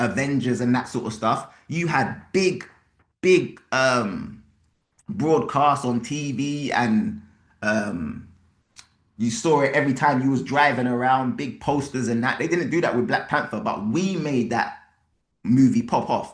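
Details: Adult male speaker; Normal speech.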